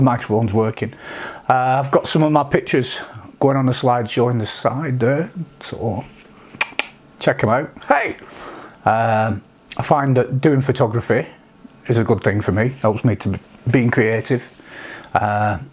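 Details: Vocal tics in an adult man with Tourette syndrome with coprolalia, whose tics reached this degree after age 46; he also has milder tics such as sniffs and humming.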